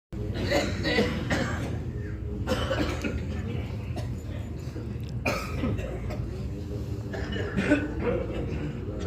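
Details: Repeated coughs from several adults amid crowd noise and murmuring, frequent coughing in a group of Hajj 2023 pilgrims.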